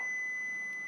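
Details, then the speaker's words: AED training demonstration: after the device advises a shock and the flashing button is pressed, a steady, high-pitched electronic tone marks the shock being delivered. "Shock delivered. The AED will either direct you to push the shock button or to begin CPR."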